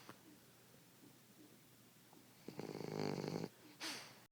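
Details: Rocco snoring: a loud, rattling snore on an inward breath, preceded by quiet breathing, from a sleeping animal.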